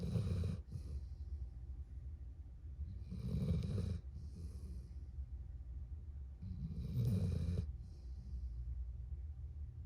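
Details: A dog sleeping next to its owner snores: low, rumbling breaths repeating roughly every three seconds with soft hissing on the out-breath. Snoring.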